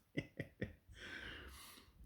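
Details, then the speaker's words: American bully dog asleep around 2 a.m., faint in a quiet room: three quick, low snorting pulses then a long airy exhale, snoring. "If you listen very carefully, you can hear one of my uh, American bullies snoring his butt off."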